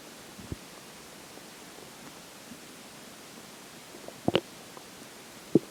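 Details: Digestion after pizza for breakfast and McDonald's for lunch: faint background hiss with a few short gurgles and pops, mostly near the end; ordinary bowel sounds.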